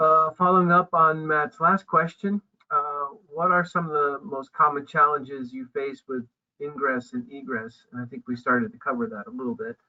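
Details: Adult speaker; plain speech.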